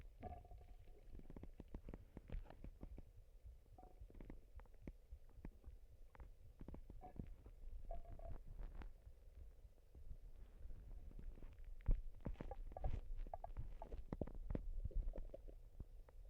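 Soft gurgles, squeaks and pops from the belly come and go irregularly. These are ordinary stomach rumbling sounds.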